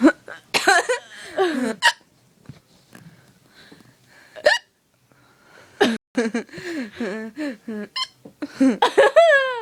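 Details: Repeated high, squeaky hiccups breaking into bursts of laughter, with a burp: hiccups.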